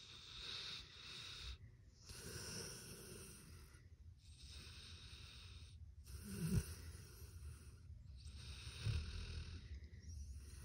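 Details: Sleeping pit bull dog snoring: soft, wheezy breaths, about five in ten seconds, with occasional snorts; ordinary sleep snoring.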